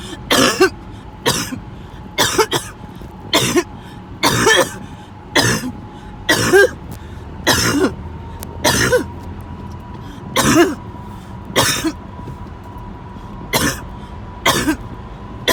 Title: End of a 20 min coughing spell